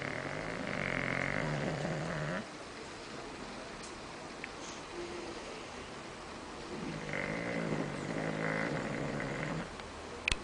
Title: Funny Bulldog sleeping Snoring